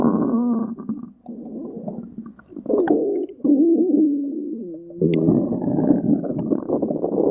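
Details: Silver stomach growling: low gurgling, squeaky and rumbling sounds rising and falling irregularly with brief pauses; ordinary borborygmi.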